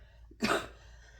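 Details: A single short cough in a quiet room from an adult recovering from a respiratory virus, possibly Covid or RSV.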